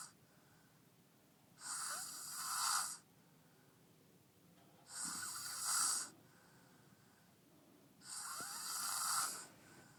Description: He was so tired so sleep here very deep as you can hear....